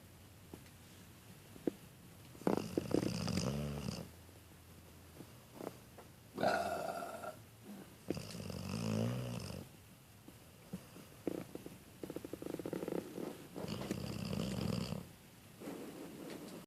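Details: Snoring during sleep: rough, rattling snores with each breath, about 15 breaths a minute, with quiet pauses between them.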